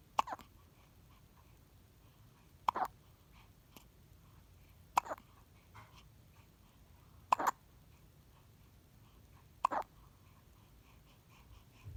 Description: My newborn baby has the hiccups, and he’s not bothered by them.